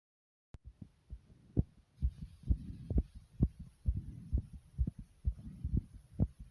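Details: Person's self-induced racing heartbeat with heavy breathing: fast, regular low heart thumps at about 130 beats a minute with faint breathing noise, tachycardia.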